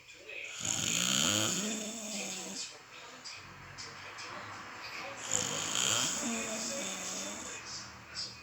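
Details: Snoring: two long, rough, rumbling breaths with quieter breathing between.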